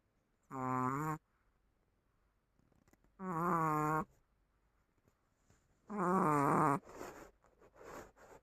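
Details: Three drawn-out, tonal, groaning snores from a small Chihuahua dog, spaced a few seconds apart.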